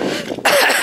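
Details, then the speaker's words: Cough from an adult woman with asthma-like breathing trouble, recorded while walking outdoors the day after a severe episode: a single short, harsh cough or throat-clearing burst. "Yesterday, my breathing was really, really bad. It was almost like I was having an asthma attack all day. Now, to some of you, what I sound like now won't be very good, but it's"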